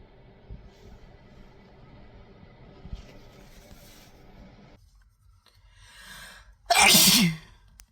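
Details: Quiet room noise, a short intake of breath, then one loud explosive sneeze from a person who is sick.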